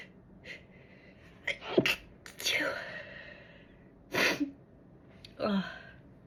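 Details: Several sharp sneezes, each with a quick inward gasp then a forceful burst, in a quiet room: an ordinary sneezing bout, from a person who had severe tonsillitis that February.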